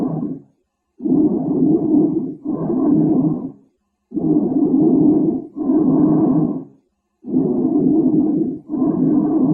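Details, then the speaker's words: Normal breath sounds, vesicular and bronchial, heard by stethoscope; bronchial sounds are normal over the upper chest area. "Jadi untuk suara nafas yang normal tadi kita sudah dengarkan ada yang vesikular dan juga bronkial"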